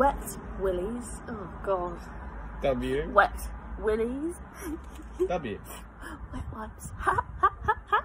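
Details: 22-year-old woman with Tourette syndrome, recorded before formal diagnosis, producing uncontrollable vocal tics in response to the letter W spoken by her partner during the alphabet challenge; vocal tics.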